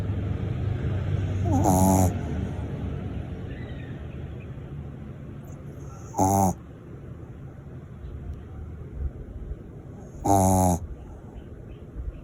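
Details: A small mixed Shih Tzu dog snoring loudly: three brief rattling snores about every four seconds over steady low room noise.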